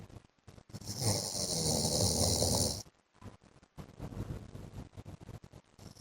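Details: Snoring from the owner's sleeping husband: one long, loud, rasping snore on breathing in, followed by quieter, rustling breaths.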